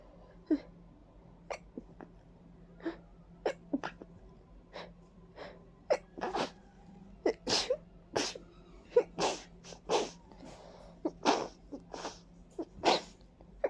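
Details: Repeated loud, wet, congested sneezes with sniffing and nose blowing, from a person with a stuffy, runny nose and watery eyes who attributes it to ragweed and dust allergy.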